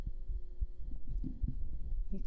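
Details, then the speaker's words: Soft, low, regular heartbeat thumps heard close up, as if listening with the head on the chest, recorded with a binaural 3Dio microphone for ASMR, over a faint steady hum; normal heartbeat. "you like heartbeats okay just for Chloe we'll do some Heartbeats can you hear them with your head on the"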